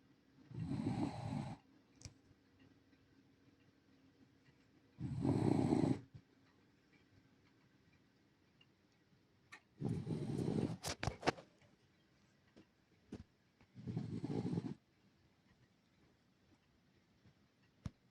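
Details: Senior Shiba Inu rescue dog asleep, giving four rough, low snores about every four to five seconds, roughly 13 breaths a minute; ordinary snoring.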